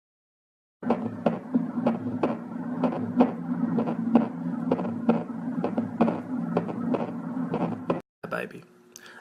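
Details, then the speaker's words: Aortic stenosis: a strong ejection click as the stenotic valve is forced open by ventricular contraction, followed by a soft, weak second heart sound (S2). "لكن تسكيرة الباب راح تكون وشو يا جماعة؟ ويك. اتفقنا؟ حنسمع اول صوت انفجار قوي يسمونه ejection."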